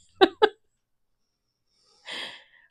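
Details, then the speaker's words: Massive sneeze from an adult who felt it coming, during a crafting chat. "Holy jumping, that was a massive sneeze."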